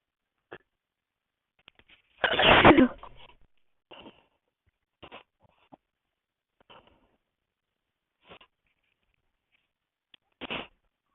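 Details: One forceful sneeze followed by sniffs and small breaths, then a smaller second sneeze at the end; ordinary sneezing.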